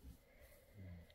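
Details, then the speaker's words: Dog snoring audibly in the room. "and now my dog is snoring if you guys can hear that it's almost like they don't want me to uh to show you how to do this"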